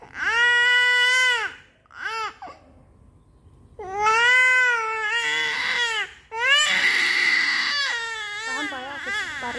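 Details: Loud, high-pitched wailing cries in long bursts with gasping breaths between them: a 9-month-old baby crying in pain during manual ear piercing with a syringe needle.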